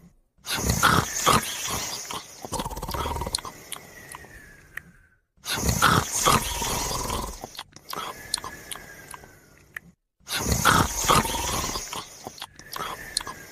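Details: Dog sleeping and snoring beside its owner: loud, rough rattling snores repeating about every five seconds, roughly 12 breaths a minute; snoring.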